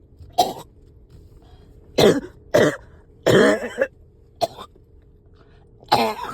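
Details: Person with phlegm stuck, riding in a car, gives six harsh, wet cough bursts over about six seconds over a steady low hum; a productive coughing fit.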